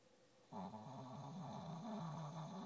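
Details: Female dog snoring under a desk in the morning: a quiet start, then continuous low, rattling, growl-like snoring while asleep.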